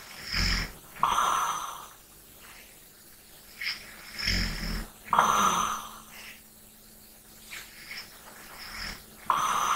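Soft, airy breaths with light snorting snores every few seconds over faint background hum: gentle snoring during sleep.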